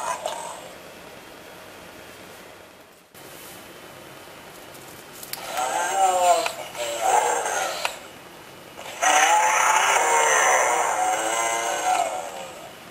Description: Totoro is sleeping and snoring so loud, maybe he is tired? :-)